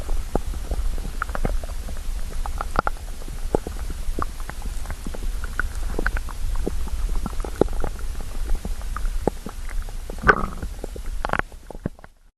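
Low gurgling and bubbling rumbles with popping bursts throughout; stomach growling from hunger.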